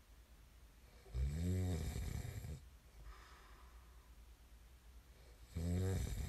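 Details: Sleep snoring: two deep, buzzing snores on inhalation about four seconds apart, with softer breathing between; ordinary loud snoring.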